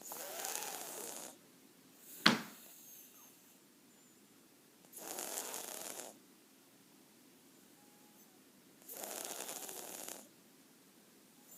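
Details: Snoring: three hissing, rasping breaths about four seconds apart, roughly 15 a minute, with a brief sharp click between the first two.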